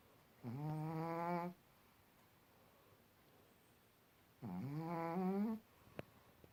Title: Pekingese snoring